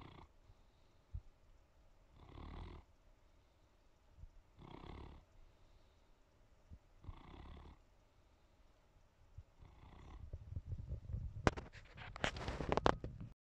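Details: Female Pyrenean Mountain Dog asleep on the couch in the evening, snoring quietly: soft, regular rumbling snores about every two and a half seconds, then rustling and clatter at the end.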